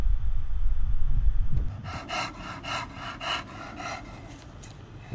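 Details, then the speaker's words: Brachycephalic dog at rest, BOAS grade 0, recorded with a digital stethoscope: faint, soft, rhythmic, nearly inaudible breath sounds without snoring or stridor, which are normal upper airway breath sounds. "이건 그레이드 0 인 환자 동영상을 먼저 보시겠습니다 기다려야 돼 38 래스팅 상태죠 거의 소리가 안들립니다"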